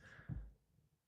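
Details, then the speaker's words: An adult's stomach growls while talking: a brief, deep gurgling rumble of ordinary borborygmi. "Excuse me, I got my stomach growling. Apologize if you could hear it. Sorry about that."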